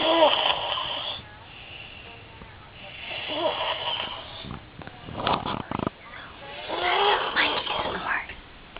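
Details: A sleeping man's loud, rough snoring in uneven bursts with snorting breaths, recorded in a small room; his partner says he always snores this loudly; heavy snoring.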